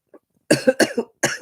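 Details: Adult with a bad cold, cough and chest infection: a small catch, then three harsh, rough coughs in quick succession and a fourth after a brief pause.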